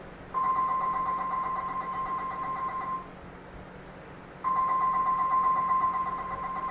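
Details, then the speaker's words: Intraoral digital scanner capturing a patient's teeth at a dental clinic, completed within seconds for the lab: a steady high tone with rapid pulsing in two runs separated by a pause; scanner operating. "So this is the live video of the scanning of the patient's teeth. We are recording the size of the patient teeth."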